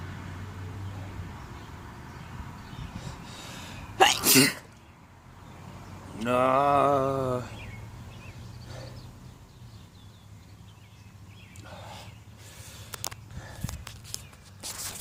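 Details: Uncontrollable sneezing fit at work: a sharp sneeze followed by a longer voiced sneeze-like burst, over steady background hum.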